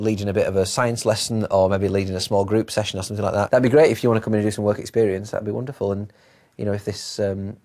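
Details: Adult man speaking; normal speech.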